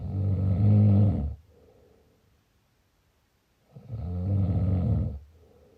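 Two loud, low, rumbling snores on the in-breath, separated by a quiet pause of about two seconds. Ordinary snoring.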